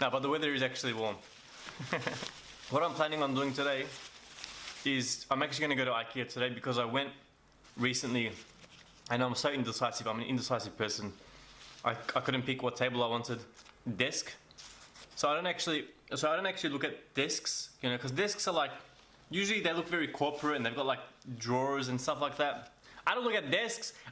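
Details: Mild stuttering or stammer in an adult male vlogger who calls it a speech impediment, not a bad stutter, with getting stuck for words.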